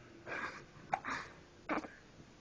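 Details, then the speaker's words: Hiccups: three short, abrupt catching sounds less than a second apart in a quiet room. "hiccups and ya don't like the hiccups no go away hiccup"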